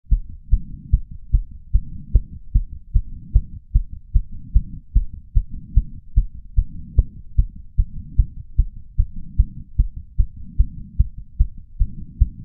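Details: 31-year-old man's racing heart after exercise, recorded with a lapel mic and small ceramic bowl; fast, regular, pounding beat around 150 per minute with soft breath sounds; sinus tachycardia.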